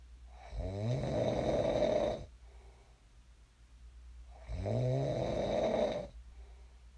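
Two long, loud, rattling snores about four seconds apart, each lasting close to two seconds; ordinary sleep snoring.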